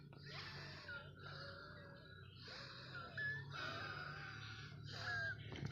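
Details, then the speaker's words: Wheezing on waking in the morning; the person suspects chest congestion and can barely speak. Noisy breaths with whistling, musical tones that rise and fall. "காலையில எந்துருச்ச உடனே என்னன்னே தெரியலைங்க. நெஞ்சு சளி ஆயிருக்கும்னு நினைக்கிறேன். சரியா பேச முடியல. சவுண்ட் கேக்குறீங்களா வீசிங்கற"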